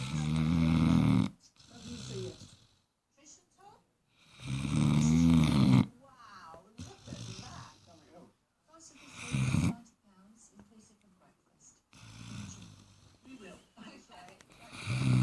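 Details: Loud, rattling snores on each breath with softer snuffling between, about four breaths a minute, from a 4-month-old Great Dane puppy sleeping.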